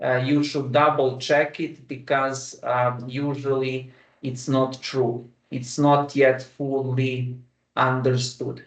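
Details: Adult man who stammers, speaking with the flexible rate speech technique, with voluntary pauses and a deep breath before continuing; stuttering with flexible rate speech technique.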